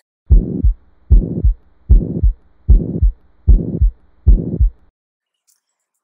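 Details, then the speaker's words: Ventricular septal defect: a regular heartbeat near 76 per minute with a loud, harsh pansystolic murmur, possibly a loud P2 component of S2, radiating to the right sternal edge. "on auscultation you're going to hear a loud pansystolic murmur you may also hear a loud p2 component to the s2 they'll be radiation to the right sternal edge"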